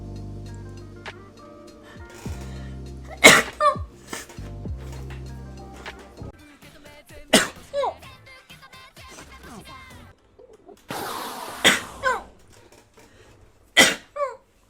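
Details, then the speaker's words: Several sharp, explosive sneezes from a male streamer during a gaming livestream, heard over game audio and background music; it is called the most delicate sneeze heard lately, with an 'ah' sound; sneezing. "我最近听过的这个打喷嚏里面最为娇贵的一个。 怎么就娇贵了？ 会带有一声就是啊这样的声音。"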